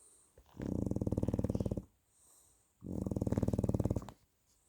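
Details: French bulldog snoring: two long, rattling snores, each a fluttering vibration on the in-breath, with quiet gaps between; snoring.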